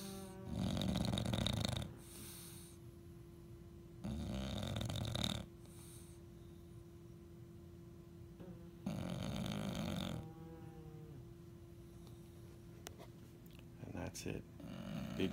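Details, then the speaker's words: Sleeping bulldog snoring on a couch, eyes half-open, with a pug nearby: loud rattling snores, three long snorts in about fifteen seconds over a steady background hum; the owner says it makes the same noise in bed. "I got dog sleeping on the couch. And this is, and when they sleep in our bed, this is the noise they make too."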